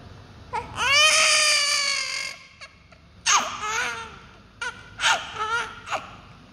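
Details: Newborn baby crying: high-pitched wailing cries in short bursts with breaths between; ordinary fussing.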